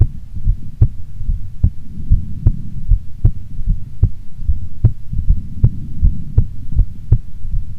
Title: Female Heartbeat Sound Before Sleep - Long File